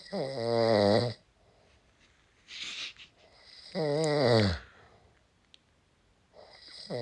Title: Using my husband snoring to finish this game